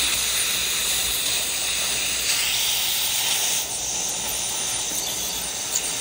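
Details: Steady loud hiss with water spray from a piezo/ultrasonic scaler on perio settings during deep non-surgical periodontal debridement of the maxillary right quadrant. Pockets are up to 7 mm, and the patient is numbed and sedated.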